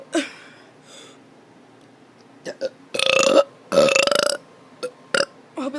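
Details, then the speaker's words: Child burping on purpose: two long, rumbling belches plus several short gulping sounds. "i'm gonna be doing some burps"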